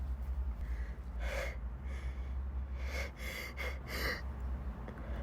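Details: Sneezing fit in a corridor: several quick, sharp, breathy sneezes in a row over low rumbling background noise.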